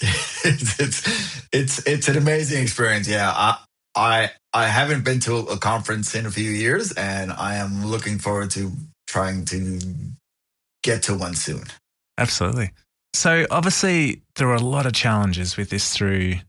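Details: Adult man who stutters; found a stuttering support group at 28; audible repetitions; stuttering.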